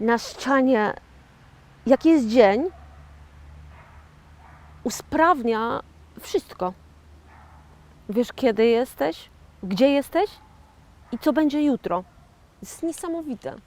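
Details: 41-year-old woman with aphasia after a stroke in 2009, self-described stroke survivor and aphasian; aphasia after stroke.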